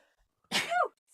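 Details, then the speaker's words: Single loud, sharp, breathy sneeze from a live-stream host with a stuffy nose, turned off to the side away from the microphone; an ordinary sneeze, host says not corona. "Excuse me. That was cute. No corona. Did you hear it? That was so cute. I know. My sneeze."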